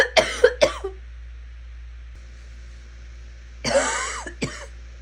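Two clusters of short cough bursts, three then two, separated by a quiet pause in a small room; ongoing repeated coughing.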